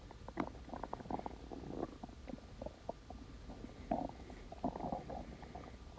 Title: Splendid stomach growling